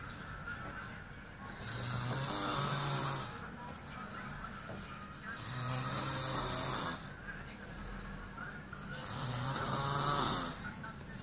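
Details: Sleeping person snoring: loud, rough snores on each breath in, about 17 a minute, with quieter breaths out between them.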